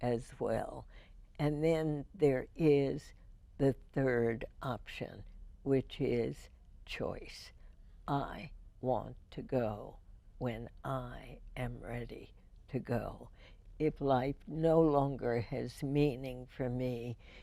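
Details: Spasmodic dysphonia in a woman, diagnosed in 1998, treated every four months with botulinum toxin injections into the vocal cords.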